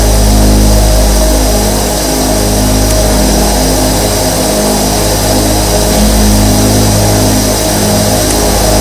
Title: Say Goodbye Insomnia | Sleep to the Sound of 24 Nebulizers 💤😴 | Nebulizer Sound